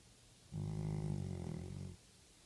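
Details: A single low, fluttering snore about a second and a half long from a sleeping chocolate Labrador dog; snoring.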